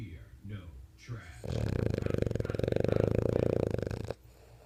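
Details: A French bulldog snoring loudly while sleeping and apparently dreaming; snoring.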